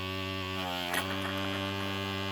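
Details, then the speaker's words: Steady electric motor hum with a brief slurp as liquid is drawn in: a secondhand battery-powered Snotty One SB-925N washable nasal aspirator tested with new batteries. "Let me install new batteries and check it. Works. I don't think the liquid's supposed to go to the motor."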